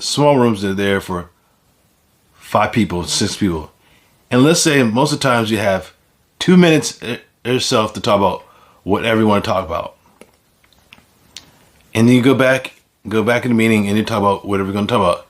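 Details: Aphasia in an adult man following a stroke; finding: aphasia.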